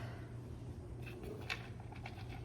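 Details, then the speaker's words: Adult's stomach growling while preparing a keto meal: brief low gurgling, cooing rumble over steady room hum, noticed aloud; normal borborygmi. "Oh, did you hear that? That's my stomach."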